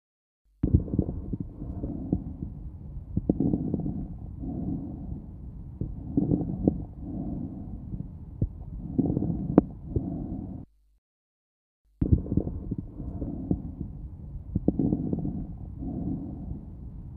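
Loud, harsh, hollow breath sounds with clear gaps between phases and brief crackles on inspiration, about 24 breaths a minute: bronchial (tubular) breathing over the lung.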